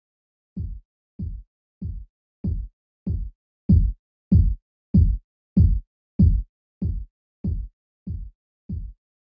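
Fourteen regular low thumps at about 95 a minute swell in loudness, then fade, in a simulation: Korotkoff sounds heard during cuff deflation.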